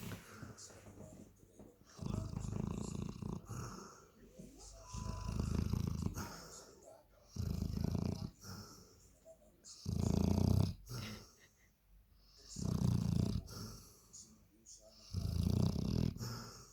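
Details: Lhola, a German Shepherd dog, snoring: deep, rumbling, rattly breaths repeating about every two seconds, around 28 a minute.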